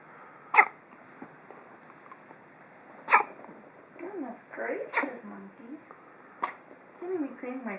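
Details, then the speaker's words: Baby with hiccups: sharp, abrupt hiccup sounds, four in about eight seconds, with soft baby vocal sounds between them; typical hiccups. "you ruined my hiccups cuz of that a real good hiccups huh oh that's a big"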